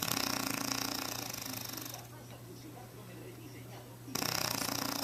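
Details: Adult woman (wife) snoring, recorded with a Flip Video camera: loud, harsh, rattling snoring breath sounds with a quieter pause between them.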